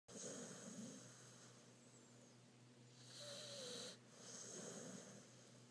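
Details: Soft rattling snores with a faint whistling note on the breaths, against a steady low room hum: a pit bull dog snoring.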